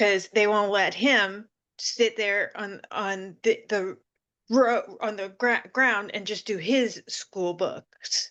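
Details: Woman with aphasia following seizures who reports it takes her time to get the word and that she is getting better; aphasia.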